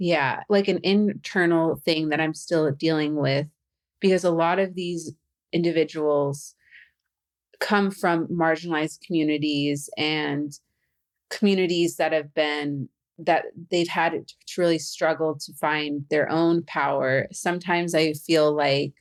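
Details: Adult woman who stutters, a stuttering podcast host, with a stutter of pauses and blocks that she says she has become good at hiding; stuttering.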